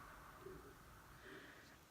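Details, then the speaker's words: Two faint, low gurgling coos rise from quiet room noise: stomach growling (borborygmi) from an empty stomach before breakfast. "like you can hear my stomach growling because I have not had breakfast yet"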